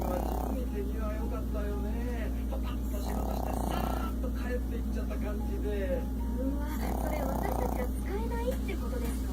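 Regular rough snoring bursts about every three to four seconds from a sleeping dog, under background voices and a steady low hum.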